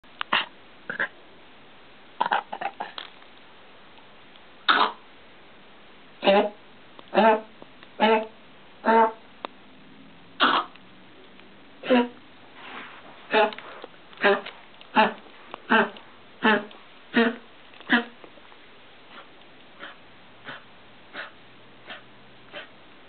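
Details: Repeated short, harsh, hacking cough bursts from a dog adopted from a shelter: kennel cough.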